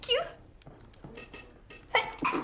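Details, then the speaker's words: Sneezing during a live game stream: a small, high-pitched sneeze, likened to a Pikachu sneeze, followed by brief speech. "Excuse me. That sounds like the sneeze of Pikachu would make."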